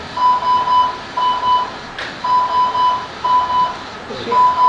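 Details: Repeating medium-pitched electronic beeps in regular bursts from a ventilator alarm on a simulated septic 33-year-old patient, during a simulation exercise where the team asks whether she is fighting the ventilator; ventilator alarm.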